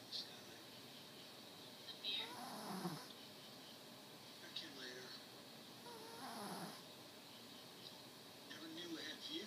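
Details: Two soft, rough snoring breaths about four seconds apart from a 4-year-old female shih-tzu napping, in a quiet room with background hiss; snoring.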